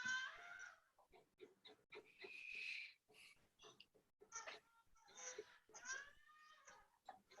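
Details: 28-year-old woman with a complex congenital syndrome: six digits on each side (operated), intellectual disability, autism, recent decline in mobility and frontal disinhibition; the noise is described as part of the syndrome; abnormal vocalization.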